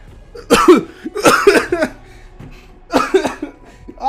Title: COUGHING PERICO